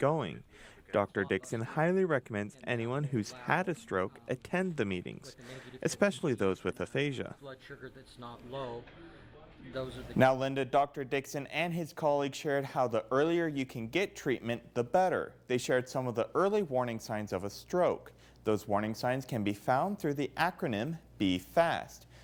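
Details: Adult male news reporter; Typical speech.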